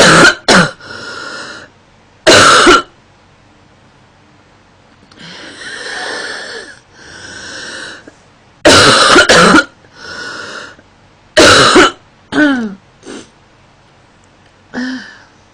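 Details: Female coughing sound-effect recording: about five bursts of harsh coughing with throat clearing between them in a quiet room.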